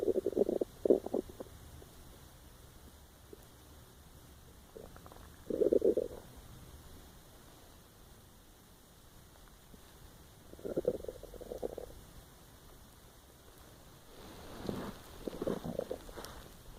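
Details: Empty stomach growling while trying to sleep: several low gurgling rumbles in short bursts between quiet stretches; normal bowel sounds (borborygmi).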